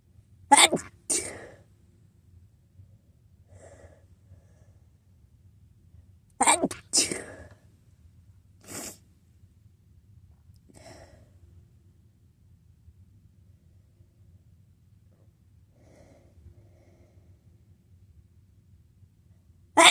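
Three loud sneezes, two coming close together as a pair, then a softer third, with quiet breathing between; ordinary sneezing.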